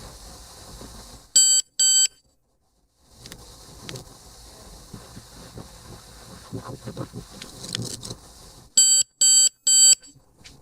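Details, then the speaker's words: ThermoGlide thermal ablation demonstrated on a piece of chicken, treatment about 20 seconds: loud, high electronic beeps in groups over quiet room noise; the longer beep signals treatment complete, then cool-down before removal. "that longer beep tells you the treatment is completed now we're just awaiting the cool down process before removal"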